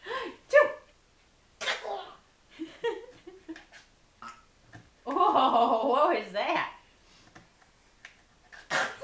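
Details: An infant being taught to fake sneeze makes repeated playful fake sneezes, short breathy bursts with brief voiced sounds; imitated sneezes.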